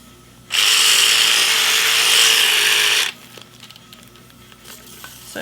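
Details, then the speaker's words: High, steady buzzing whir for about two and a half seconds, then it stops: the Cellfina reciprocating micro-blade running, shown extending and retracting during cellulite treatment training. "but did you see how it comes out and then it retracts so so it's a reciprocate reciprocating blade"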